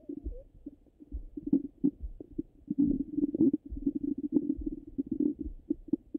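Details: Frequent gurgling and bubbling heard through a stethoscope over the abdomen, recorded hungry and full; active normal bowel sounds.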